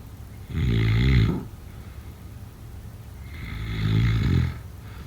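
Two loud, rattling, low-pitched snores on inhalation about three seconds apart, with quiet breathing between them; ordinary sleep snoring.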